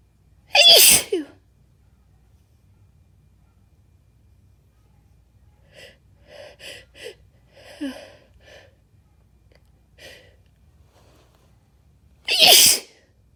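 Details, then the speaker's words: Sneezing fit deliberately induced with too much chinkini, leaving the person light-headed: two loud explosive, messy sneezes about twelve seconds apart, with quieter sniffs and breaths between. "These tickles are so intense. Phew. Phew. Won't stop coming."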